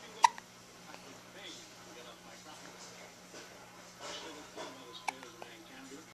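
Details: Two sharp, sudden gulping hiccups about five seconds apart, in a quiet room with faint background sound.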